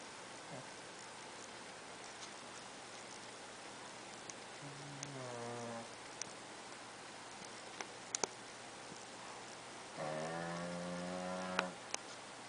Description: Ladypug is a 6 month old pug, cuddling and snoring with her sister Heidi, a basset-wiener looking thing...lol